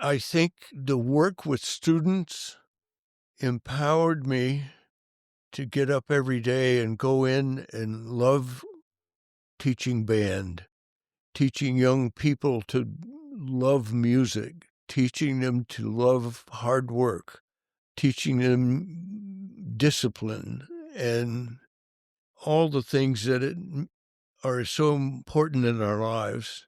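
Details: Adult male band director who has stuttered since childhood, severe when young, and still stutters: stuttering.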